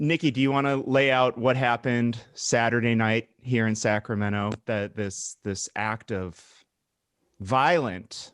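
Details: Adult man speaking; Normal voice.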